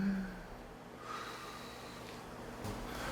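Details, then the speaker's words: Older woman (mother) with treated asthma, stethoscope auscultation at a follow-up visit: soft, quiet breath sounds, the wheeze heard during flare-ups now almost gone, breathing much improved. ">> 숨소리 너무 좋아지셨는데요. >> 어 예전에 비해서 천식에서 나타나는 천명이가 섹스드랜 소리도 거의 없으시고요."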